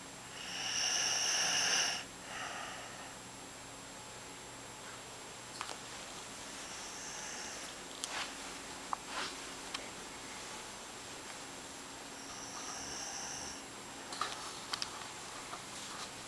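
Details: Man snoring: loud, hissing snore-like breaths, one strong at the start and fainter ones later, with clicks and room noise between.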